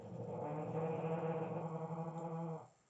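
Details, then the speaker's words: Dog snoring in the background, sleepy, while a math lecture is being recorded: snoring. "Esse barulho do meu cachorro roncando, muito sono."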